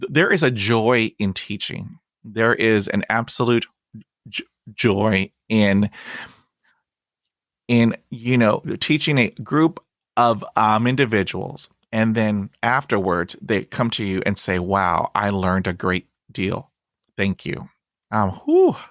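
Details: Adult man who stutters, describing his own blocks and repetitions; stuttering.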